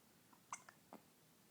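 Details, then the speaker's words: Hiccups in a young child: a few short, sharp, quiet catches close together. "I have the hiccups. I hate having the hiccups,"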